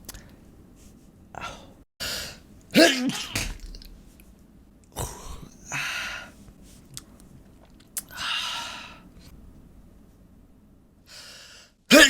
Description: I don't just sneeze -- I have sneeze sessions. So I decided to record one of my sneezing sessions.